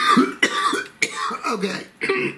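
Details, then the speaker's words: Adult man during a spoken reading gives a short run of four or five harsh, partly voiced coughs; he says he hadn't been coughing all day, calls it wet or dry, and mentions smoking. "excuse me i have not been coughing all day this is definitely something stuck in somebody's craw"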